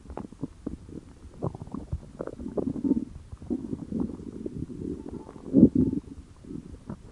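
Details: Stomach growling attributed to hunger: low, bubbling gurgles and rumbles that rise and fall continuously, with one louder growl; normal borborygmi.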